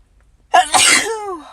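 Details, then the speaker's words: A single adult sneeze: a sharp intake followed by an explosive, hissing burst that trails off into a voiced tail. "my God. Ah. I needed to sneeze all fucking"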